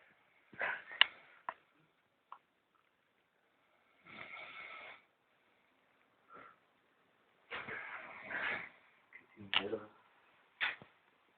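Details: Irregular noisy breathing with pauses and rough snorting on some breaths, from a sleeper said to be half drunk and snoring like a polar bear.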